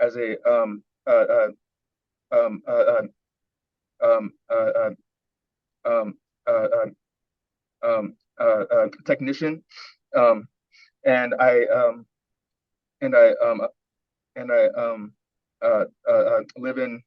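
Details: Adult man with severe stuttering with speech blocks and pushing words out, recorded at an early coaching session before smooth speech training; repeated filler sounds and repeated words are heard; stuttering.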